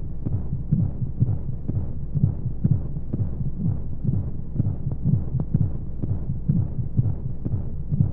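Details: Womb-sound baby sleep aid with white noise: steady muffled low heartbeat thumps under a whooshing background, like a heartbeat heard from inside the womb.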